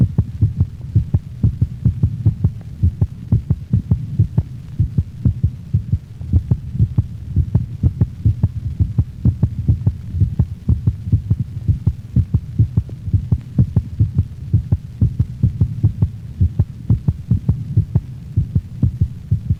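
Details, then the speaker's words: Normal dog, standing, stethoscope at mitral valve region near left fifth intercostal space at sternal border: paired heart sounds, first sound lower-frequency than second, mild respiratory sinus arrhythmia. "note the lower frequency of the first heart sound as compared with the second heart sound now listen to the sounds of another normal dog recorded over the mitral valve location"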